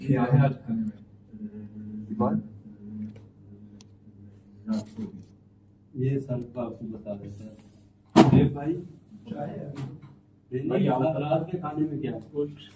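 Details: Male participant in a stammering support session deliberately stammers, including his feared words, as a therapy technique at the trainer's request; voluntary stuttering (deliberate stammering).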